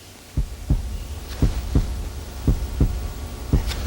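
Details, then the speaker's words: Child patient examined with a stethoscope in a 1994 doctor-visit video; regular lub-dub heart sounds at about 57 beats per minute, normal heart sounds. "heart sounds great now I want you to take a deep breath in and out very good"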